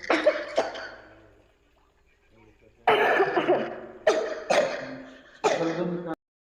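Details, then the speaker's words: About six harsh, voiced coughs in two bouts separated by a brief quiet pause; someone coughing, heard alongside a home remedy for cough, cold and sore throat. "कोई कांसी भी कर रही है साथ में। ठीक है।"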